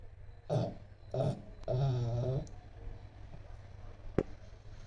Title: ASRM Snoring Dog #dogsleeping #snoring #naturesounds #doglife